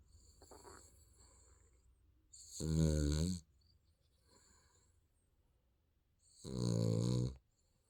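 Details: Sleeping baby snoring: two drawn-out, buzzing snores about four seconds apart, roughly 15 a minute, in a quiet room.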